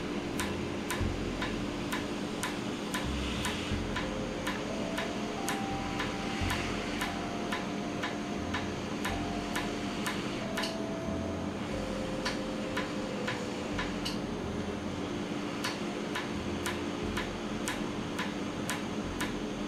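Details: Laser tattoo removal session on skin numbed beforehand, with cooling air applied: sharp snapping clicks about two per second over a steady machine hum; laser tattoo removal device firing.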